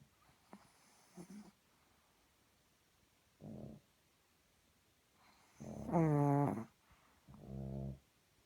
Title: Sprout snoring